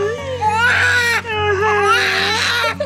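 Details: Newborn girl, 8.5 pounds, just after birth at 6:38 following a failed epidural: strong, high-pitched sustained wails with brief breaths between; a vigorous newborn cry.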